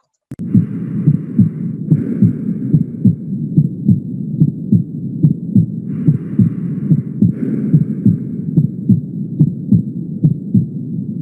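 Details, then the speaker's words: Mitral regurgitation: regular heartbeat about 72 a minute with a steady, low-pitched holosystolic murmur filling the gap between beats, its intensity increasing at the mitral focus. "Es evidente como la intensidad aumenta cuando estamos en el foco respectivo aquí se trata claramente de una patología mitral y como suena en en sístole estaríamos hablando de una insuficiencia mitral"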